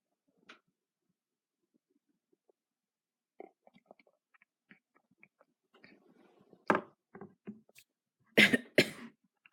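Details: A person who says she is really tired and does not feel like herself coughs: quiet throat noises, then a short run of several sharp, harsh coughs near the end.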